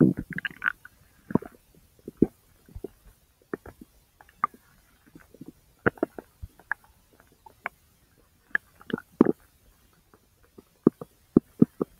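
Frequent short gurgles and pops from the belly, scattered irregularly over twelve seconds; ordinary bowel sounds from the intestines.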